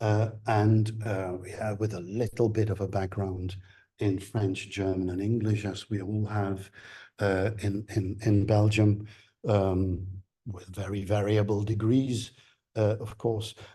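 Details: Adult man lecturing; Normal speech.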